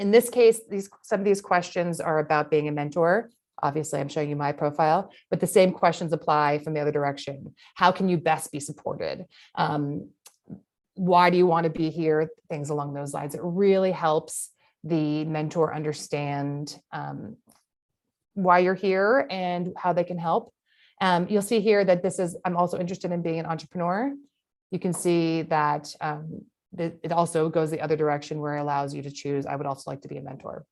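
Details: Adult woman speaking; no disorder.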